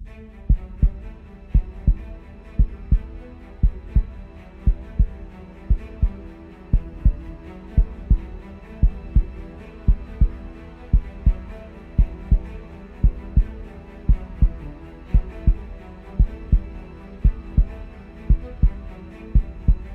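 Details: Steady, regular paired thumps at about 57 a minute under an epic music bed; heartbeat sound effect.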